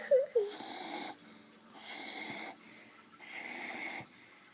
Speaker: that is so funny i mean a train could go by here and nobody could wake him up oh boy